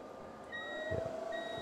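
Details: Steady electronic tones from the laser unit as it is enabled before endovenous laser ablation of a varicose vein in a live demonstration, with safety glasses on; low room noise underneath.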